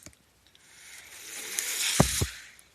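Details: Ventilator audible behind the user's own speech while he records a Star Wars podcast, delivering breaths as he talks. Mechanical ventilator breathing cycle.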